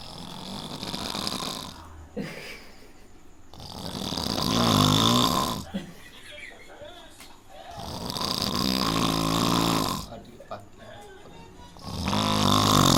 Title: funny snoring